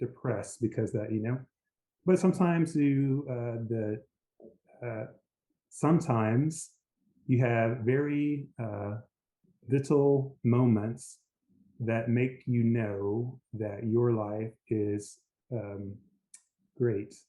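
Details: Aphasia after a stroke in an adult man, a lawyer; initially global aphasia with speech limited to "yes," now recovered in part.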